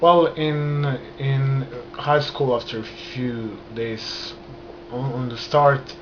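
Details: Adult man who has stammered since childhood, beginning after a trauma; he still stutters and controls it with hand movements and breathing; stuttering.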